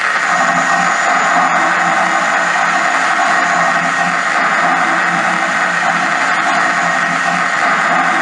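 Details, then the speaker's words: Microelectrode recording during deep brain stimulation surgery for movement disorders: continuous dense crackling firing of a thalamic kinesthetic cell, surging as the patient's joint is passively moved; kinesthetic cell response. "now here's an example of a kinesthetic cell this is testing the patient and this is the activity that we look for when moving the patient's"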